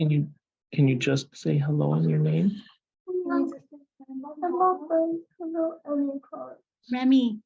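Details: Adult and child speakers; ordinary speech.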